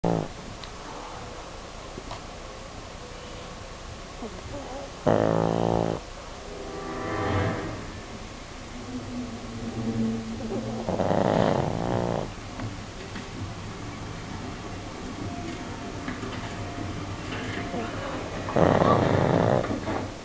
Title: my moms dog snores